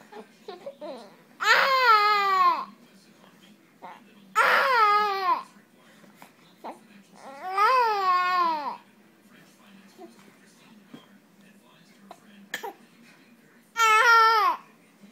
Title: crying